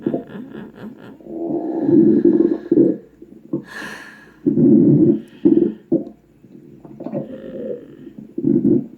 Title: The Shadow Crazy Stomach Growl